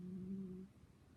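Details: Snoring.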